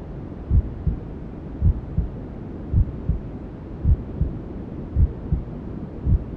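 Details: Newborn sleep-aid ASMR: steady low double thumps, about 54 a minute, under constant white-noise hiss, a regular mother's heartbeat mixed with womb sounds; heartbeat with white noise.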